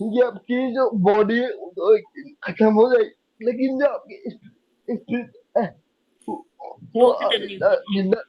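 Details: Young adult man with cerebral palsy since age 2; could not speak as a child and still needs double effort to speak, cannot say things clearly; dysarthria.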